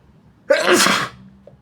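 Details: One loud, forceful adult sneeze, induced with tissue paper during a bad sinusitis flare with a sore, itchy nose, with a sharp onset and hissing release, followed by dizziness; sneeze.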